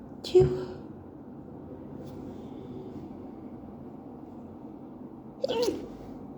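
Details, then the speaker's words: Adult at work with an allergic reaction, apparently to a co-worker's bathroom, amid night allergies: two sharp sneezes several seconds apart in a quiet room, during repeated allergic sneezing. "I'm at work and I just got allergic to co-workers bathroom and I really need"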